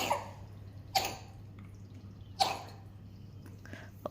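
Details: Two or three brief, soft coughs against low room hum: cough in an infant under one month old with a cold, who had been to hospital and was on oxygen.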